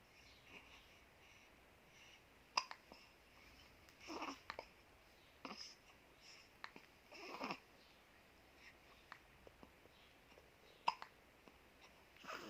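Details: Infant hiccups: soft, brief catching sounds recurring every few seconds in a quiet room.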